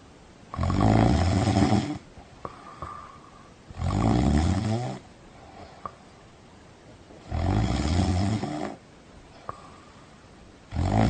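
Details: Person snoring: loud, rough snores on each in-breath, about 19 a minute, with quieter out-breaths between; heavy snoring.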